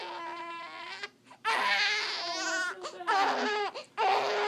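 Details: Infant angry at having hiccups, giving repeated wailing cry bursts with brief breaths between them; fussing infant cry.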